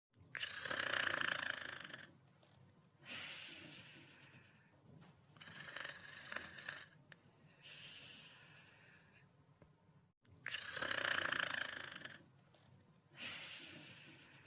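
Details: Dog snoring while asleep: soft, regular snoring with rough breaths in and out, roughly nine breaths across fifteen seconds.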